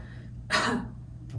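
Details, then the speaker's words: An adult woman gives a normal voluntary cough during a cranial nerve IX and X (glossopharyngeal and vagus) examination: a single sharp cough with a crisp onset, consistent with normal glottic closure. "so let's say that there was actually a problem with the vagus nerve lindsay wouldn't be able to close her glottis and build up that pressure for that slightly explosive cough"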